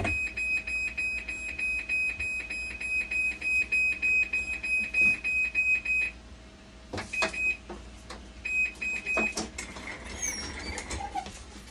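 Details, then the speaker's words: Dialysis machine under repair showing flow error 1 and low flow error, debug suggesting a faulty bulb; rapid repeating high-pitched beeps, pausing and resuming, with clicks and room noise; dialysis machine flow error alarm. "Agad. Flow error 1 saka flow error kagad. Tapos dito sa debug niya nakalagay flow error 1 tapos yung bulb."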